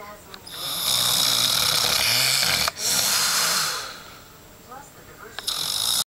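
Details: Loud, harsh, airy snoring with a hissing, rattling quality in a sleeping adult man, two long snores separated by a brief pause, then quieter breathing.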